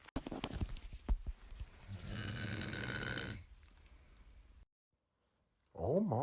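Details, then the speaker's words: Acted snore in a comedy sketch about a snorer at a sleepover: a single loud, rattling snore with talk around it; simulated snoring. "yeah good night girl I just want to let you know I snore a little bit but I wear my little cat machine you know what I'm"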